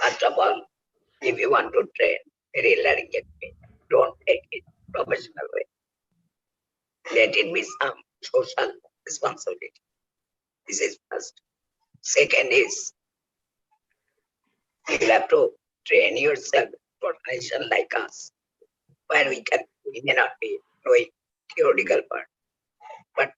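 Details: Real adult male whose larynx was removed for cancer (total laryngectomy), now speaking with oesophageal speech learned by the injection method of swallowing or injecting air into the oesophagus; finding: oesophageal speech after total laryngectomy.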